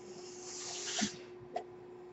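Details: Mechanical ventilator breathing cycle heard in the background while a podcaster speaks; he notes the noise is his own ventilator.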